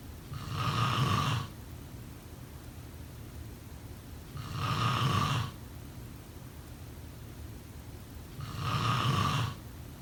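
Three loud, rough, low-pitched snores on inhalation, each about a second long, with quiet pauses between; about 15 breaths a minute. Snoring.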